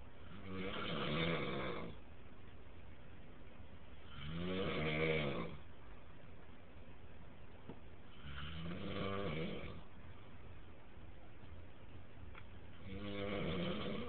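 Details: A friend snoring very loudly during sleep: loud, rattling snores on each breath in, about 15 per minute, steady and unbroken.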